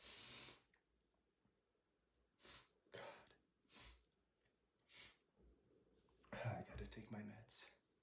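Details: Allergic sneezing flared by dust from cleaning books: several short bursts of breath noise with snorts and sniffs between them, a run of sneezes.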